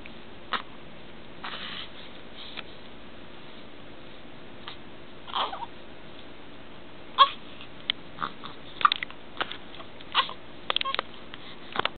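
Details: Two-week-old newborn girl, small for her age, with hiccups: soft, abrupt clicks of breath recurring at uneven intervals over steady room noise.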